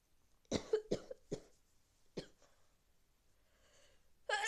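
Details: A rapid series of five short explosive bursts, then a pause and another; awful repeated sneezing with a cold.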